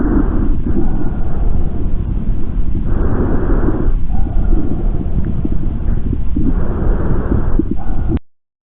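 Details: Auscultation quiz clip of normal breath sounds, chosen by several pulmonologists as the answer: soft, even rushing breath sounds with regular inhalations and exhalations and no added noises.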